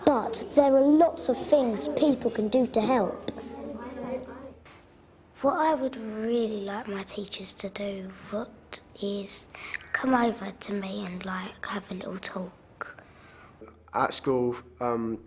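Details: Child who stammers; stammering is described as getting stuck and unable to say a word, with tense struggle, and as worse when rushed; stammering (stuttering).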